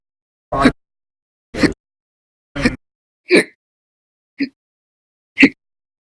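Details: Prolonged violent, very loud hiccups lasting hours per day over about ten days: six loud, abrupt hiccups about one a second, each a sharp gulping catch of breath with silence between.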